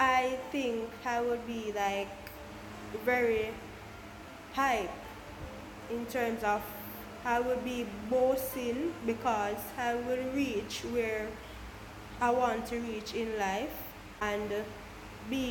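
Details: Jamaican woman who stutters, speaking about her own stammer: stuttering.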